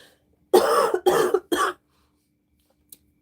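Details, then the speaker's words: Adult woman with acute bronchitis: three harsh, forceful coughs in quick succession, then quiet. "So, I'm going to hope I'm not going to cough the whole time. I'm sorry."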